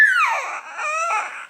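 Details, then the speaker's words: Newborn baby girl giving one short, loud, high-pitched scream that settles quickly, described as her habitual single scream to signal she's still there; brief ordinary cry. "oh baby what's wrong she also does this just one little scream to say Mom I'm still here and then it's like nothing happened"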